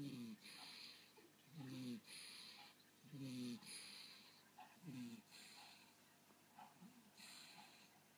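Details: Snoring from a sleeper.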